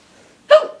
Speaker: hey guys it's and i have the hiccups again no i don't oh there i go yeah i do yeah i do